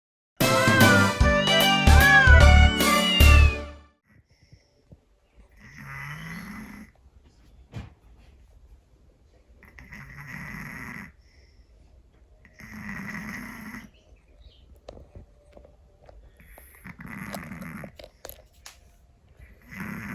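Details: Loud snoring from a sleeping Scottish Fold cat: rhythmic, rough, buzzing breaths roughly every two and a half seconds after a brief music opening.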